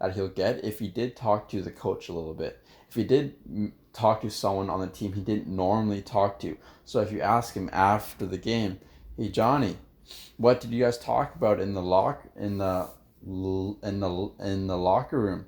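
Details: Stuttering in an adult man who stutters, with word and phrase repetitions.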